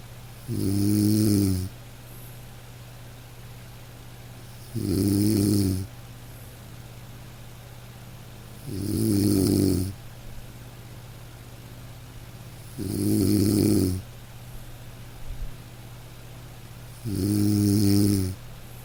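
Gentle, regular snores at about 14 a minute from a sleeping dog over a steady soft background hiss of light rain.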